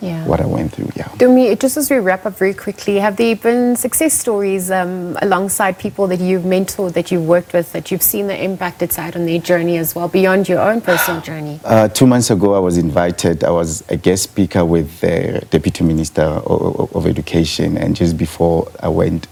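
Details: Two adults in interview; conversational speech.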